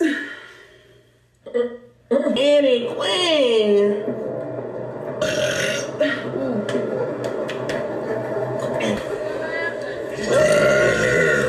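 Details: Young woman on a live stream: long, drawn-out voiced belching sounds mixed with talking and background music; burping.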